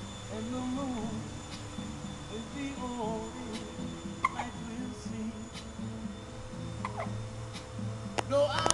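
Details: Newborn girl, 11 days old, hiccuping while listening to music: repeated short, sharp hiccup catches, about eight in nine seconds, over soft music and room noise.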